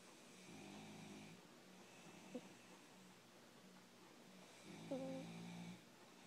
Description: Orange kitty snores